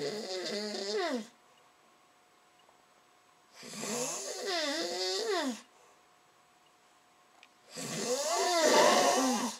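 Three loud, drawn-out rattling breaths, each roughly a second and a half long, separated by quiet pauses in a small room: snoring.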